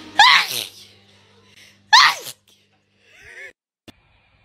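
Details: Girl sneezing after a Covid-19 nasal swab test: two forceful sneezes in quick succession, then a soft vocal sound.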